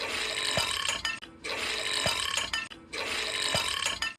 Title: Po Panda big burps